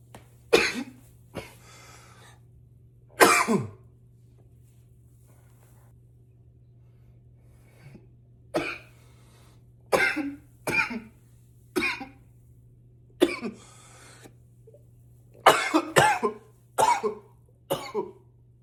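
Bursts of forceful, harsh coughing, about a dozen coughs in clusters with short pauses, against a low steady hum.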